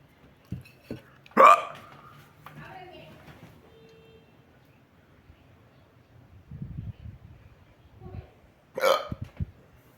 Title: More hiccup